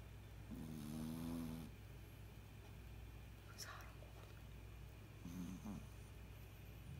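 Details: Snoring in a sleeping small dog, tired after playing hard, that sounds like a person snoring: two drawn-out, tonal, humanlike snores several seconds apart over a steady low hum.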